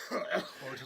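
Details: A brief, voiced adult cough with a throaty, partly speech-like quality and faint room noise, heard during a live broadcast.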